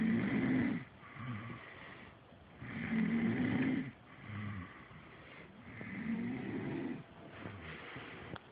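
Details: A person snoring: loud, fast snores with a rough rattle on alternating breaths, about 22 breath cycles a minute.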